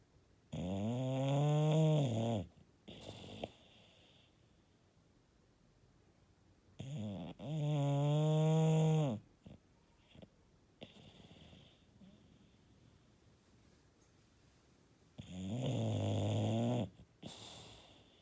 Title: Snoring Bulldog